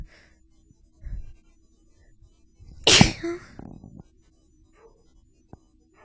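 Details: Sneezing with buildup: a quiet inhaled buildup followed by one sharp, explosive sneeze burst, then a brief exhale.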